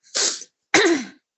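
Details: Father coughing at home: two harsh, forceful, dry-sounding cough bursts about half a second apart in a quiet setting.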